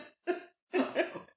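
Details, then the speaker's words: Adult's brief series of loud, harsh dry coughs with no wet or rattling sound; a lifelong dry cough since childhood, attributed to a dry throat, and not coronavirus. "I've got a very loud, dry cough that you can listen back to every episode of Jabber Talk on Colourful Radio, and you will hear I'll suddenly go into a coughing fit."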